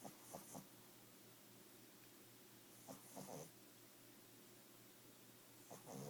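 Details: 5-month-old Boston Terrier snoring: soft snuffly breaths recurring about every three seconds with light nasal rattling, typical of a short-nosed dog.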